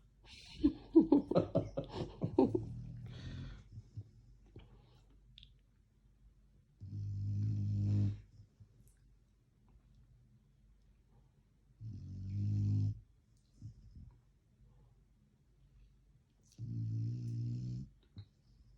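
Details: Black Labrador Retriever snoring: three loud rumbling snores on inhalation, about one every five seconds, with quiet pauses between.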